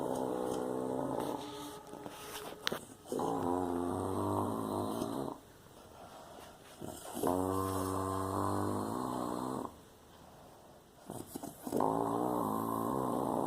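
Three long, rough, rattling snores with quiet pauses between them, about one every four seconds; snoring.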